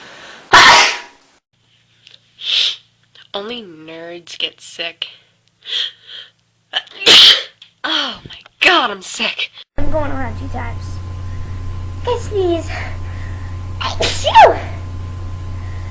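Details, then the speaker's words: Compilation of sneezes from different people, one mentioning allergies, with short gasps, voices saying bless you between, and background music later; sneeze. "I think I need to sneeze hey coer okay um I have to sneeze allergies me his bless you bless you God bless you God bless you"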